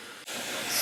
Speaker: At this point in time, there is no oxygen teed in. This is just airflow coming into the machine and helping to create that positive airway pressure.